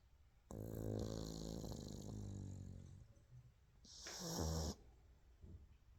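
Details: Pug sleeping with head resting on paw: two loud, rattling snore breaths with a buzzing, low vibration on the inward breath; flat-faced dog snoring.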